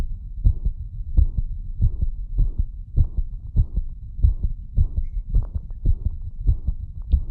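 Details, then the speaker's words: An example recording from a veterinary clinical diagnosis lecture: a faint murmur caused by mitral valve insufficiency, over regular low heart sounds near 103 per minute. "ini murmuk akibat mitralvab insufisiensi ya kita coba [Musik] ini agak suaranya agak kecil [Musik]"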